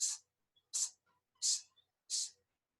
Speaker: Aortic stenosis is an ejection or a short systolic murmur in the aortic area, radiating to the carotid.